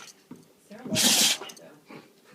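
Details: Dog named Zen with repeated sneezing, once he starts he can't stop: a single sharp, hissing sneeze burst between quieter snuffling breaths.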